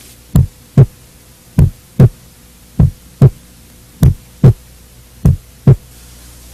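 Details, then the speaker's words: Normal heart sounds on cardiac auscultation: regular lub-dub at about 49 beats per minute with clean first (S1) and second (S2) heart sounds. "os ruídos cardíacos que são ouvidos através da ausculta são as bulhas cardíacas deve-se voltar a atenção para a ausculta da primeira e da segunda bulha"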